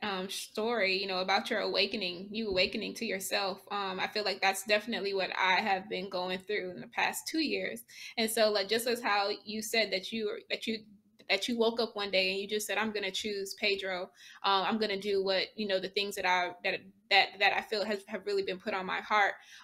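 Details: Adult woman, a speech-language pathologist who stutters, who loses control of her speech when not taking care of herself; repetitions audible: stuttering.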